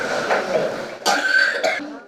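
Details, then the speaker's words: Nine-year-old child with fever for over a week, later a severe cough, diagnosed with mycoplasma pneumonia: two or three short, harsh coughs; cough in mycoplasma pneumonia. "아홉살 어린이는 일주일 넘게 열이났습니다 처음엔 열만 나더니 이후엔 독한 기침까지"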